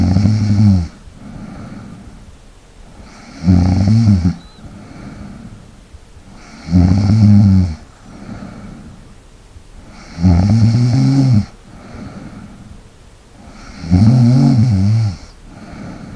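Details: ASMR snoring and light breathing recording for relaxation: loud, low rattling snores on each in-breath, about 17 breaths a minute, with quieter breathing between, ordinary sleep snoring.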